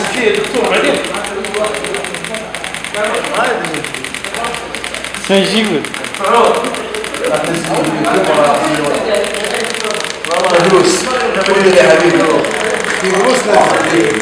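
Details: Physical therapy practical lesson on radial shock wave therapy for chronic muscular pain: device applied to the painful area, low intensity, firing rapid steady mechanical taps about three pulses a second, partly masked by talking and music.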